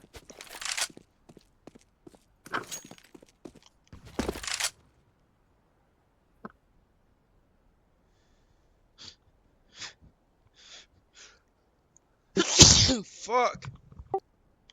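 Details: Several sharp breathy inhalations while trying to hold it in, then a loud explosive sneeze with a voiced trailing cry during gaming.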